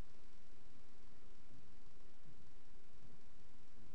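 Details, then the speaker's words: Pericardial friction rub in pericarditis on stethoscope: harsh, scratchy, murmur-like low sounds seeming separate from the two heart sounds, occurring with the heartbeat. "que parece un sop pero es un sonido muy áspero parece alejado de los de los dos ruidos cardíacos"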